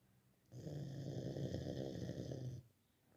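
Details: Dog snoring while asleep: one long, low, rattling breath through the nose and throat, a steady vibrating rumble of about two seconds; snoring.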